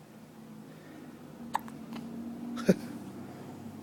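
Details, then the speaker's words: Infant with late-night hiccups after feeding too fast, while wanting to sleep: two brief, sharp catching sounds about a second apart over quiet room noise; common harmless hiccups. "oh miles has the hiccups miles has the hiccups got hiccups oh they big hiccups"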